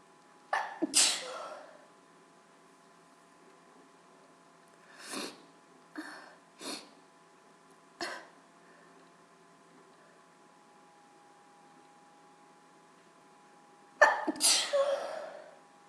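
Several sharp, wet sneezes, some with a quick double burst, separated by short pauses in a quiet room.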